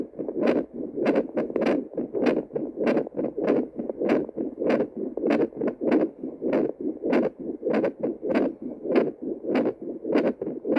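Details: Heartbeat picked up by Doppler at multiple points: regular whooshing pulses at about 98 a minute.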